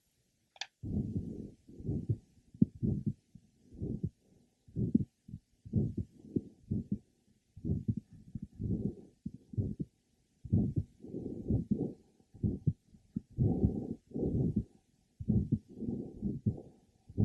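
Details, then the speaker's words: Asymptomatic man about 70 with mild aortic stenosis ("innocent murmur of the elderly"), no LV hypertrophy, possibly calcified but well-functioning valve. Soft systolic murmur at about 62 a minute, more musical at the apex; heard at pulmonic, third/fourth left sternal border and apex. "this patient that we have just listened to illustrates that aoic events are well heard at the Apex also the innocent merma of the elderly often has a musical or vibratory quality particularly at the Apex"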